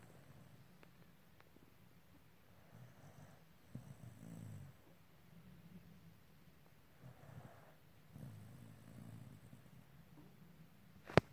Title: snoring pack